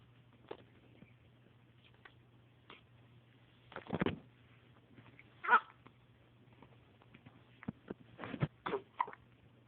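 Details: 3-week-old kitten: soft brief jerky puffs and squeaks at irregular intervals over a steady low hum; hiccups.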